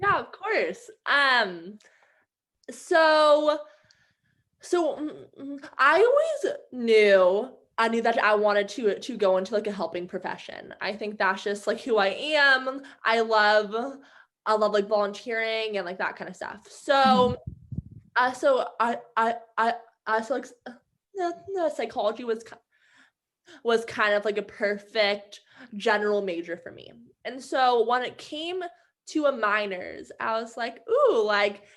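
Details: Adult woman who stutters, with sound and word repetitions; stuttering.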